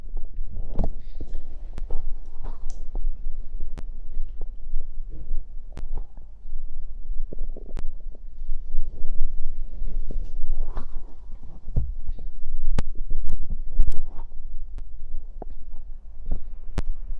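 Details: Stomach growl after drinking cider (fizzy drink): continuous low rumbling and gurgling with scattered pops from the belly; ordinary bowel sounds.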